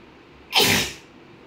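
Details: Indian housewife in a sneezing challenge tickles her nostril with rolled paper: a single loud, explosive sneeze in a quiet room.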